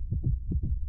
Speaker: Okay, here's another heartbeat, and this one is a little faster, but sounds similar. That's a cat. That is a cat heartbeat.